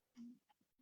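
After near silence, a single short, voiced cough bursts out from an adult man.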